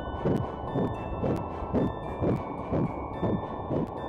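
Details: Fetal heartbeat in early pregnancy, recorded during a pregnancy ultrasound exam: regular whooshing Doppler beats at about 120 a minute, a normal early fetal heartbeat.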